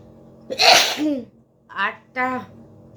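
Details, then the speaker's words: Woman doing a sneezing challenge, deliberately provoking sneezes by poking inside her nose with a stick: one loud explosive sneeze, then two short voiced sounds over background hum; a provoked sneeze. "Seasoning challenge. চলো, কটা হাঁচি আমি দিতে পারি দেখো। 10টা তো বললাম তোমাদের।"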